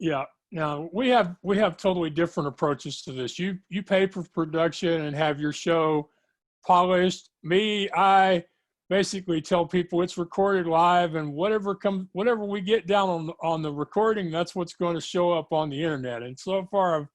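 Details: Adult speaker; ordinary conversational speech.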